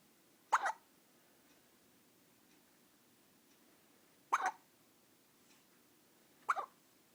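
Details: 14-day-old baby hiccuping after feeding: three soft, abrupt hiccup sounds a few seconds apart in a quiet room.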